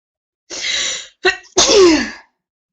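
Two forceful sneezes, the second preceded by a sharp intake of breath, part of a prolonged sneezing fit.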